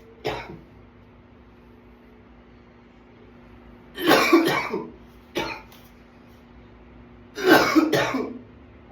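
Four coughing bursts over nine seconds, two of them long and harsh with quiet gaps between: an adult coughing fit.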